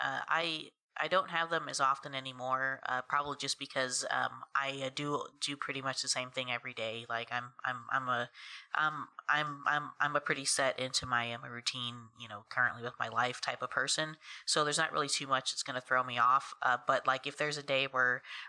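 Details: Adult woman who has stuttered since about age three, first noticed after moving in with her aunt and cousin; stuttering.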